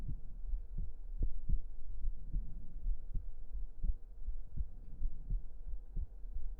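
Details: Close-up recording of steady, regular low heartbeat thumps at about 80 beats a minute over a soft low hum; normal heart sounds.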